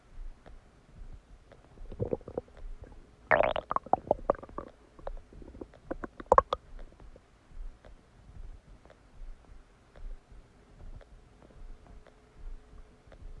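Soft gurgling and bubbling with a few louder squelches; ordinary stomach digestion noises.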